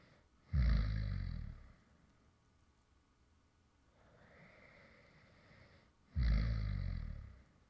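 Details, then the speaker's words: Light snoring from a man who fell asleep while recording: two loud, rough snoring breaths about six seconds apart, with a quieter breath between them; ordinary snoring during sleep. "deo, and this is actually some light snoring sounds from me when I actually fell asleep in the middle of recording a previous video."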